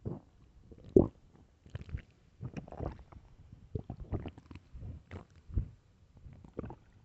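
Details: Loud stomach growling from hunger (starving), recorded for headphones: bursts of gurgling, squelching stomach noises in quick succession; borborygmi.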